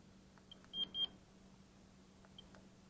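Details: Two short high electronic beeps with faint clicks from a vintage Dentaphor Model 6110B electric dental pulp tester (c. 1986–87) being switched on and tested across a surface, not on a patient.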